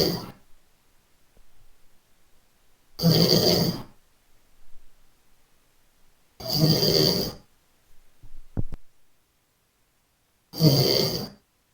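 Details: Three loud, harsh snores about every three and a half seconds during sleep, with quiet pauses between; snoring.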